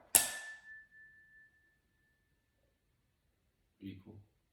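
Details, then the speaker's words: Weber test during head-to-toe nursing assessment of a patient: sharp tuning fork strike then fading pure ringing tone as the fork is placed on the head to compare hearing in both ears. "i'm then going to perform the weber test by striking this i'm going to place it on your head let me know if you hear it equal bilaterally or if you hear it on one side versus the other more"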